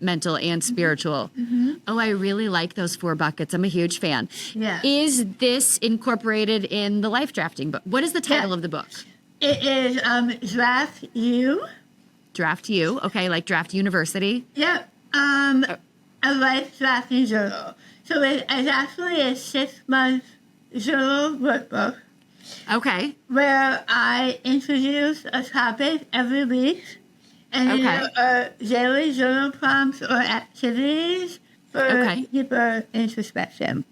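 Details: Adult woman about 3 years after stage 4 tongue cancer treatment: over half of tongue removed and rebuilt with forearm skin graft, neck dissection, 6 weeks of radiation and chemotherapy; altered speech since treatment, sometimes not understood by strangers; altered articulation after partial glossectomy.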